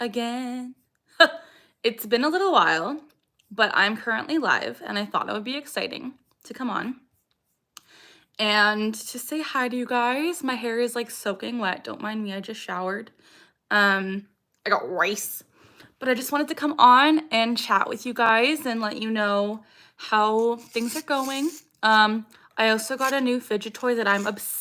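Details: Vocal tic (Tourette syndrome) in a 26-year-old woman; the tic is a repeated phrase that she says came from something an ex-boyfriend said.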